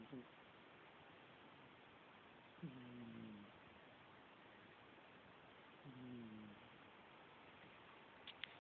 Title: Cat snoring Again